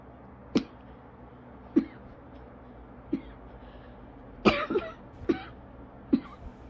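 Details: An asthmatic coughing fit lasting about 30 minutes, still ongoing, leaving the person lightheaded, dizzy and hard put to breathe normally, with laughter and 'I cannot stop' nearby.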